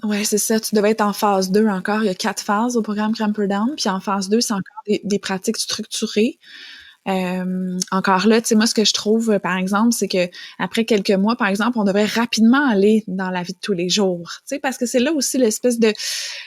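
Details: Adult woman speaking French; normal fluent speech.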